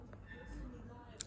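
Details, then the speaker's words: A quiet room with faint murmuring, then one short, sharp hiccup from a Southern Hairy-nosed Wombat about 7 months old, weighing 1.6 kg, just after a bottle feed. "again got the hiccups baby you just had your bottle and now he's got the hiccups"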